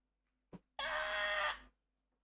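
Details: During a live-stream chat an adult says "I'm gonna sneeze," then a quick catch of breath and one loud, drawn-out voiced sneeze lasting about a second.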